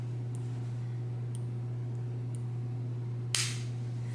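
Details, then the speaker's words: Omnipod 5 insulin pod worn on the back by a person with type 1 diabetes during a site change: quiet hum and faint ticks, then one sharp click as the pod inserts its cannula; she felt nothing. "And then it's communicating with the pod. And you're gonna hear the needle go in. Ready?"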